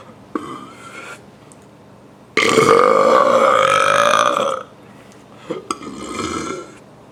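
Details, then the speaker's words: Three voiced belches, the middle one long and loud (about two seconds), with shorter ones before and after; deliberate burping made by swallowing air into the stomach and letting it out; burping. "step one take air to your throat to your stomach step two let it out for best result stand up it will be easier for the air to pass"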